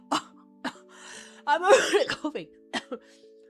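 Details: Adult female streamer during a no-coughing challenge: several short, sharp coughs and throat-clearing bursts with a laugh-like sound midway, over steady background music.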